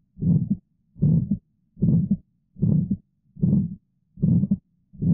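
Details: Regular heartbeat near 75 a minute with an ejection sound and a rough midsystolic murmur in each beat, typical of aortic stenosis.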